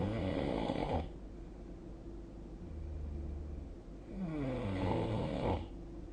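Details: Sleep-recording app (SnoreLab) capture of a night's snoring, 2025/02/09; snoring.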